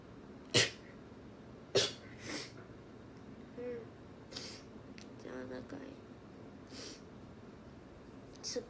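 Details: Sharp, breathy sneeze bursts, a few in a row, over steady background hiss with faint murmuring.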